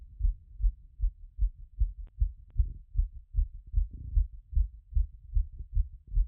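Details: Strong, regular low heart thumps at about 150 a minute through a stethoscope after a workout, down from around 180 and still settling; fast heartbeat after exercise.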